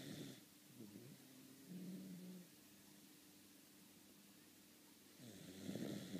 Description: Video of my dog molly snoring.